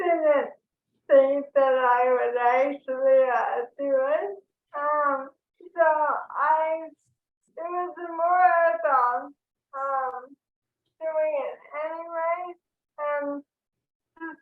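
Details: Woman diagnosed with ALS in 2014, speaking on a panel; her speech is only partly recognised by automatic captions; dysarthria due to ALS.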